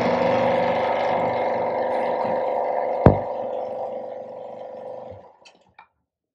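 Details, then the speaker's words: Medical suction (vacuum) machine switched on during maintenance and oil change: steady droning motor hum with a sharp knock partway through, then the motor winds down and stops. "it may require a repeated filling and empty so repeatedly attached refilled and nearly about half of the tube is got filled then afterwards you have to switch it on the machine so soon it sucks"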